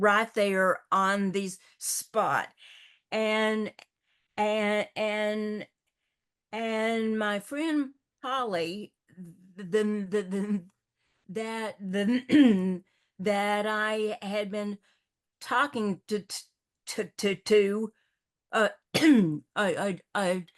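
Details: Older adult woman who stutters and also has a paralyzed vocal cord: stuttering.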